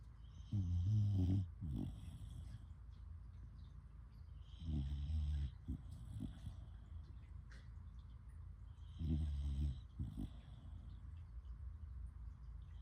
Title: #littlesnskittles Just a snoring session!!!